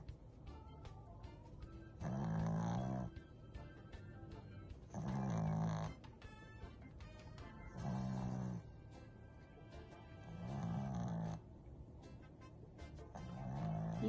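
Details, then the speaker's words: Snow dog just discharged from hospital, sleeping in the same position nearly 2 minutes: regular low rumbling snores, about 21 breaths a minute, music in background; snoring. "just checked out a discharge from hospital and look at him snoring."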